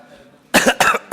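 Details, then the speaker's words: Adult man, the finance minister, hoarse while speaking at a parliamentary hearing: after a short quiet pause, two harsh cough bursts and the start of a third, clearing his throat. "Saya pikir tadi saya cukup segar suaranya. Rupanya pas ngomong kerasa jadi serak kedengarannya."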